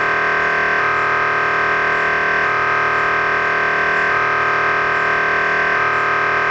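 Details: Loud, steady machine buzzing with a rhythmic pattern shifting about every second and a half: MRI scanner noise.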